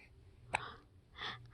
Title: has the hiccups!